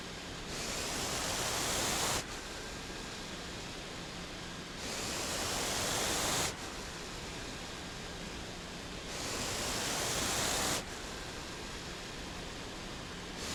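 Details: Regular hissing air surges of a home ventilator used by a person living with a ventilator, about three breaths recorded, a steady mechanical rhythm.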